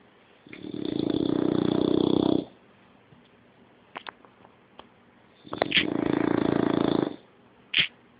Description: 6 month old english bulldog snoring the day away